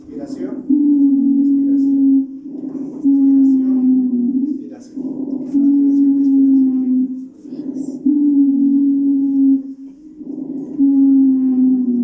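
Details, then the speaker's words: Wheeze: repeated high-pitched, musical whistling tones at about 24 breaths a minute, mainly expiratory, from bronchospasm in the small bronchi and not changed by coughing. It is higher-pitched than rhonchi. "A diferencia de roncus es un sonido más agudo y es básicamente expiratorio se va a producir en los bronquios de pequeño calibo"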